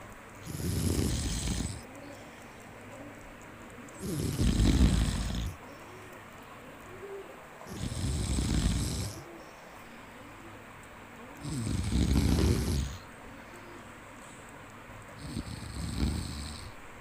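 Five deep, rumbling snores about every 3.7 seconds, roughly 16 a minute, over low steady background noise; snoring in sleep.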